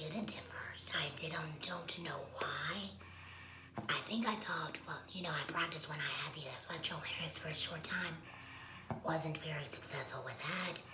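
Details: Woman speaking after laryngectomy; esophageal speech is mentioned but her voicing method is not stated; alaryngeal speech after laryngectomy.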